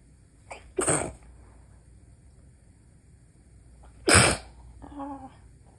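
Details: Adult stifling sneezes at night to avoid waking a sleeping spouse: a small muffled catch, then a held-back burst, and a second stifled sneeze a few seconds later, kept quiet.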